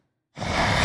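Silence, then a sudden loud gasping intake of breath, acted to show an apnea pause ending.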